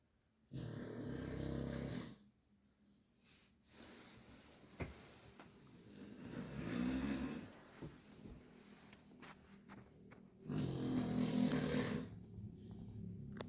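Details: Sleeping Chow Chow dog snoring: two long, loud, rasping breaths with quieter breathing between.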